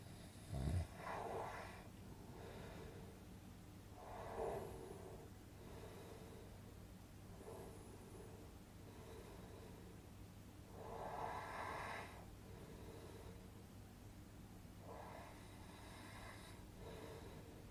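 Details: Repeated soft rattling inspiratory snores every three to four seconds over a low steady hum, from a relaxing snoring sound-effect recording for sleep; snoring.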